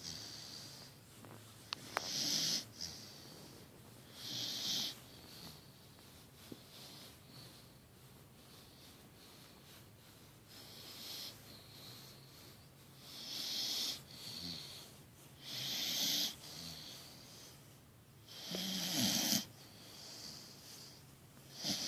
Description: Great Dane mix puppy deep asleep and sawing logs